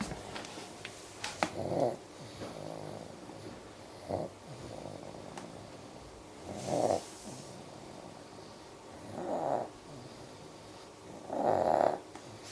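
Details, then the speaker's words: Sleeping baby boy snoring with his butt up in the air: soft, irregular snoring breaths about 12 per minute, some with a gentle snort. "sawing logs with his bum in the air."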